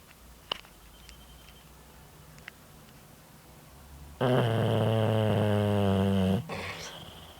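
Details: Dog, very tired, snoring with eyes open: after quiet room noise, one long, loud, buzzing, growl-like snore lasting about two seconds.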